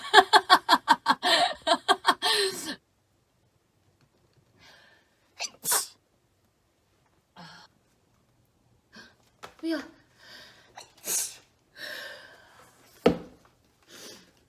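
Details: A burst of rapid laughter, then several sharp, forceful sneezes with quiet breaths between, from a woman with a stuffy nose from a cold or allergy; sneeze.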